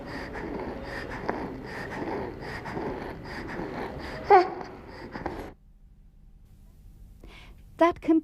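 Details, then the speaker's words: Child's noisy breathing in a training exercise on identifying stridor: faint whistling tone on breathing out, an expiratory wheeze, not stridor. "we heard a wheezing sound when breathing out therefore we decided that hassan did not have stridor stridor is a harsh sound on breathing in this child has wheeze when breathing out"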